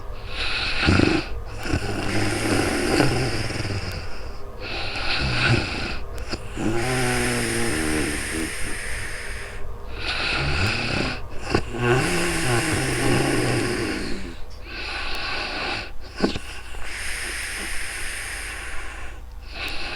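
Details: Real-time sleep recording with snoring: repeated throaty, fluttering snoring inhalations with noisy breathing between, over steady room hiss, recorded on a new microphone.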